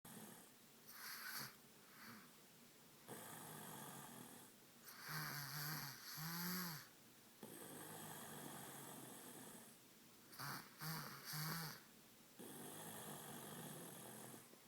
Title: snores